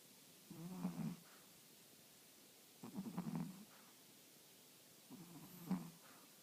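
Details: Three soft, low, rattling snores about two and a half seconds apart, roughly 26 breaths a minute, over a quiet background; snoring.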